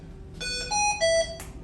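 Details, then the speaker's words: Hamilton-C1 adult ventilator in a training demonstration: a rising three-tone chime alarm signals lost flow when the breathing circuit is disconnected. "so once it starts losing flow or what it thinks is flow um it's going to mess up and it's going to start telling you that it's not getting anything"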